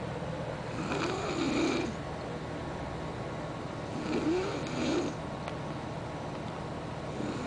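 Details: Person snoring, with two soft, rough snoring breaths about three seconds apart over steady background noise.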